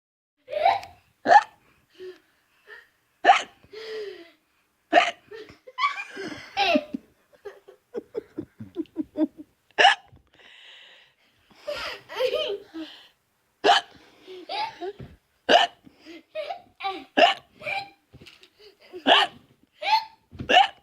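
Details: Repeated sharp, abrupt hiccups mixed with bursts of laughter from more than one person, the hiccups said to be contagious.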